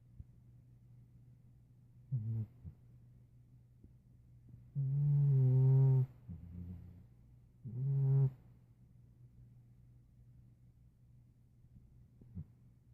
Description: Meowth snores rather loud. A kind nearly 5 year old former stray, whom is a great adoptive big brother to a pair of kittens.